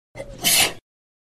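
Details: A single sneeze from a sound-effect recording: a brief noisy intake, then one sharp, hissing explosive burst.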